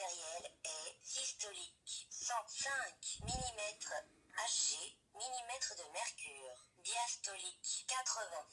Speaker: voilà donc là c'est le tensiomètre qui parle et qui donne ses informations